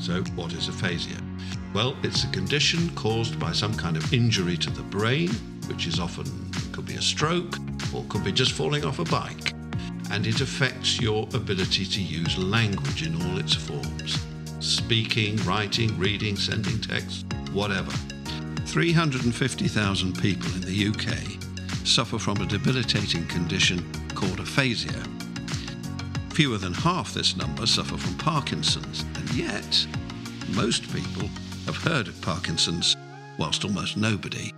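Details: Adult male speaker; normal fluent speech.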